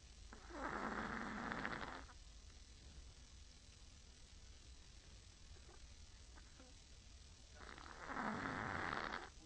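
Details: Chihuahua exhausted from playing, snoring with its whole body while its eyes stay open: two rough, fluttering snores on inhalation, several seconds apart, with quiet breathing between.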